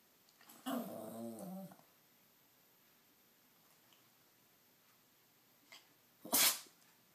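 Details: Dog sneezing on cue when he wants something: a vocal whine, then a short, sharp, explosive sneeze. Owner says he sneezes loudly and attempts "Mama" when he really wants something.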